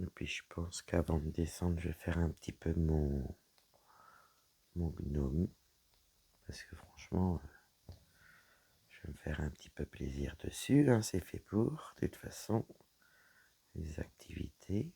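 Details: Woman whose vocal cords were damaged by a serious health problem; her voice is deeper than before, at times she has little voice, and she cannot speak loudly; dysphonia.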